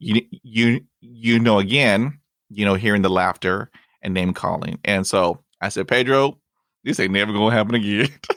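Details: 29-year-old man who stutters, bilingual Spanish-English, currently in speech therapy and practising by talking to strangers, with no known family history of stuttering; stuttering.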